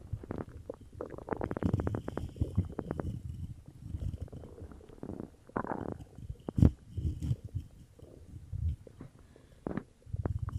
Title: Stomach growl (Coke)